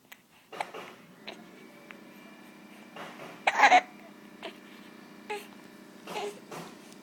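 Brief, sharp catching sounds recur every second or so in a quiet room, one louder burst among them, fitting hiccups.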